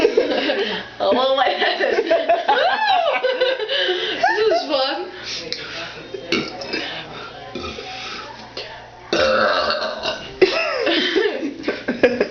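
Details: Female deliberately burping: long, loud, drawn-out belches repeated several times, with brief talk and faint background music.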